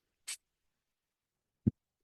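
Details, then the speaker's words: Brief airy hiss then a soft low thump from the speaker's own mechanical ventilator in a quiet room, heard during a spoken podcast; the speaker identifies the noise as their ventilator. "My name is. That noise you're hearing is my ventilator."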